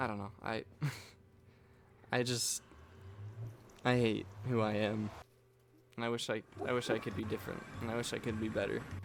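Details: Male speaker with self-reported stuttering, stumbling over words and repeating the same phrases over and over; he notes he is stuttering while speaking.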